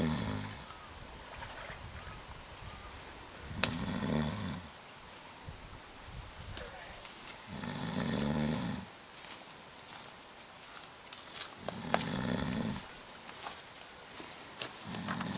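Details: Sleeper, claimed not to snore, snoring: deep, rough, rumbling snores about every four seconds, roughly fifteen per minute, with outdoor noise in the background.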